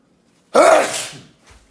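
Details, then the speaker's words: One loud, explosive sneeze with a voiced burst trailing into an airy release, after a lingering tickle in the nose. "Oh. One more. It's like it's stuck."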